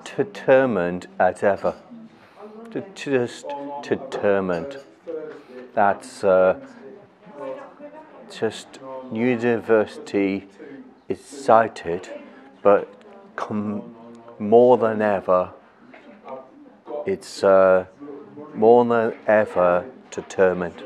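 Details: Stroke survivor with aphasia, a language and communication disorder caused by stroke damage to the brain's language centres, at an aphasia and art workshop; aphasia.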